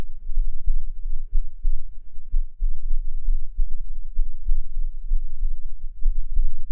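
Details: Person's own heartbeat recorded with a binaural microphone, with admittedly poor sound quality: soft, low, muffled thumps under a steady hum, roughly 90 a minute; normal heart sounds.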